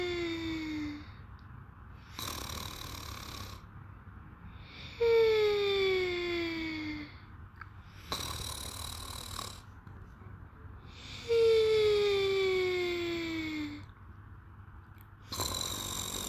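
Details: Slow sleep breathing, about ten breaths a minute, with a falling whistling tone on each inhalation alternating with a noisy exhalation; cute snoring.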